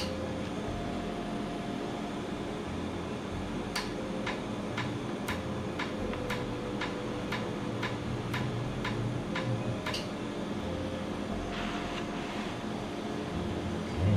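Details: Laser tattoo removal session on skin numbed beforehand, with cooling air applied: rapid sharp ticking clicks about two per second over steady room hum; laser tattoo removal device firing.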